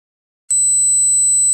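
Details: Simulated tinnitus: after brief silence, a steady, piercing high-pitched electronic tone, representing the ringing, whistling or buzzing heard in tinnitus.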